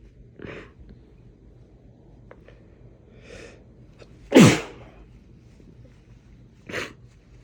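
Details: Several short explosive bursts, one much louder than the rest, amid quiet room sound, from an adult man; a sneezing fit, possibly with a cold.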